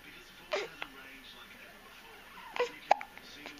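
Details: Baby on day 110 gives several short, abrupt catches, some with a tiny voiced squeak, in a quiet room: infant hiccups.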